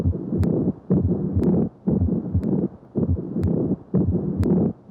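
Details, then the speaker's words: Pericardial friction rub from inflamed pericardial surfaces, most distinct at the apex: harsh, scratchy grating sounds repeating with each heartbeat at about 60 a minute, spanning much of the cycle. "A pericardial friction rub occurs when the surfaces of an inflamed pericardial sac rub against each other audibly. A rub is most distinct at the apex, but may be heard widely."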